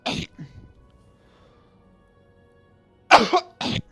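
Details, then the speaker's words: An adult's coughing fit: a short run of harsh, abrupt coughs with quiet gaps between bursts; noise-canceling software makes the cough sound like a sneeze. "Noise canceling makes that cough sound like I sneeze, but it's a cough. It's a coughing fit, in fact."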